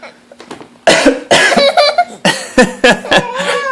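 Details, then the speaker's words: Several deliberate, dry adult coughs from a father, mixed with a baby's high, giggling laughter in a small room. "okay so Grandma thinks it's really hilarious when Daddy coughs"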